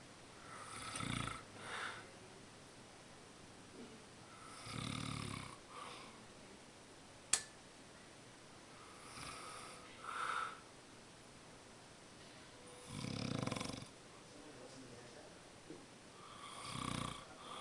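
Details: An adult man who denies snoring, recorded asleep, gives rough, rattling snores on each breath in, about 5 breaths over 17 seconds in a quiet room.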